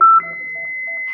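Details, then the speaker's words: Simulated cardiac arrest megacode skill test on a manikin during BTCLS training: short beep then a steady high electronic tone as the defibrillator charges for a 200-joule shock, with rhythm still called "PT" and CPR paused for a pulse check. "Stop RJP. analisa irama, masih PT, cek nadi. 1.000, 2.000, 3.000. Switch. Charging."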